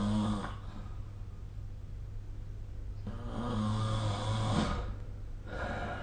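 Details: Snoring during sleep, recorded with the SnoreLab smartphone app.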